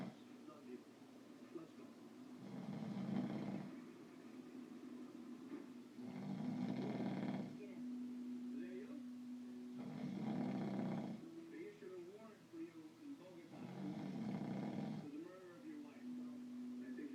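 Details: Heavy snoring: loud, rough snores roughly every four seconds, about 15 a minute, with a rattling buzz on each breath in.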